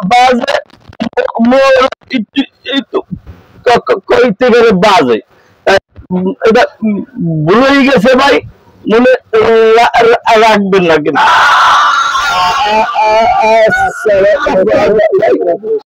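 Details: Acted stuttering by a customer in a comedy sketch.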